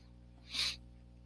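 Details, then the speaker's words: Dog sneezing in the background of a recorded tutorial: a single short, sharp, hissing nasal burst over a faint steady electrical hum. "i don't know if you can hear but my dog is sneezing in the background i apologize for that"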